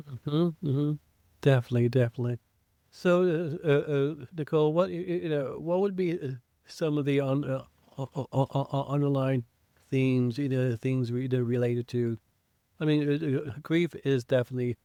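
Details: Adult man who identifies as a person who stutters, speaking in an English podcast conversation with frequent repetitions of words and phrases; stuttering.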